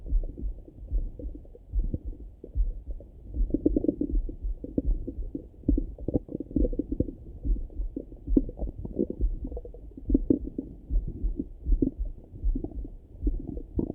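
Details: Own stomach rumbling in the morning heard through a stethoscope: continuous low rumbling with irregular soft gurgles and bubbling pops, ordinary active bowel sounds (borborygmi).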